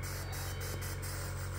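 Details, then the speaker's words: Cook vacuum pump from an IVF lab, running after a blocked filter was removed: low, steady motor hum with faint rhythmic pulsing as it suctions continuously. "maririnig mo naman. Ayan, nagsasuction siya. Continuous. So, pwede mong i-increase yung suction niyan."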